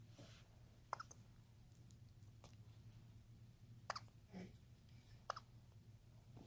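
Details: Young female capuchin monkey, still a baby just becoming mobile, with hiccups: three faint, sharp hiccup clicks a few seconds apart over a steady low room hum.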